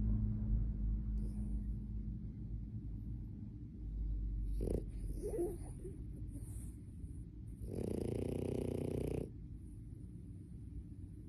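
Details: Sleeping French Bulldog snoring: low rumbling breaths with one loud buzzing snore lasting over a second, plus a few brief snuffles.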